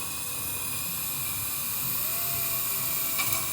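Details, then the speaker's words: Implant pilot drill, steady high-pitched whine with slight pitch rise, drilling a very thin ridge between two fingers to stay inside buccal and lingual plates before implant placement with a stent. "will then drill between my two fingers staying inside the Buckle lingual plate"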